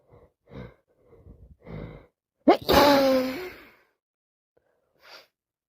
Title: Cold has got worse , non stop sneezing and blowing with coughing